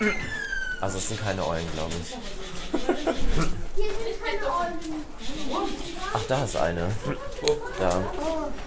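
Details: Young man with a strong form of Tourette syndrome, tics imitating zoo animals, includes shouted words: vocal tics (Tourette syndrome).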